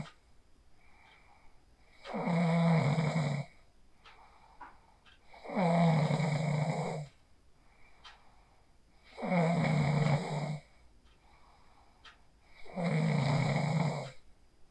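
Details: Sleep snoring from an adult recorded on a phone after falling asleep using the 4-7-8 breathing technique: four loud, rough, rattling snores, each over a second long, about 17 breaths a minute, with quiet gaps between.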